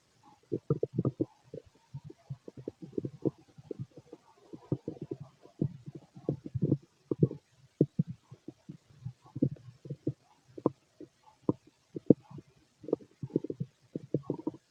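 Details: Male's stomach growling, described as loud in person: frequent gurgling, bubbling rumbles in irregular bursts; normal bowel sounds of a healthy digestive system.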